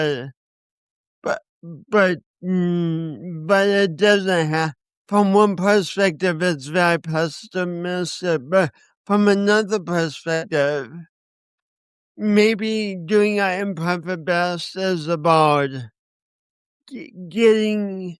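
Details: Speech impediment in a man who also has coordination issues; he says he has not overcome it.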